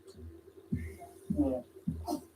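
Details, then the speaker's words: Four-month-old infant girl with a cough for a couple of days that has worsened, with wheezy breathing: three short, harsh barking coughs, heard while sitting up for listening at her back; suggests croup (swollen airways); she looks pale. "barking cough suggests you may have a viral infection called CRO. This causes the airways to swell, making breathing difficult."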